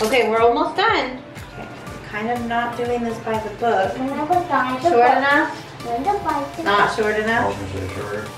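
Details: Adult woman; plain speech.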